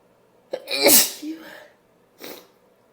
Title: Powerful sneezing (F)